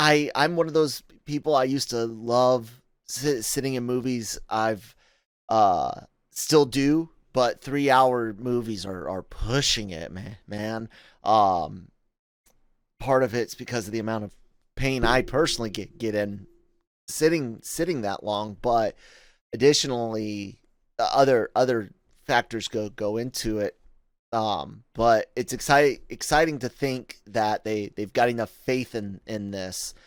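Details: Adult male podcast host with self-acknowledged stuttering, in spontaneous speech with frequent word and part-word repetitions; stuttering.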